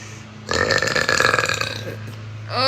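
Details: One long, loud, rumbling belch over a second long with room noise, from a 20-year-old woman who burps repeatedly, attributed to acid reflux.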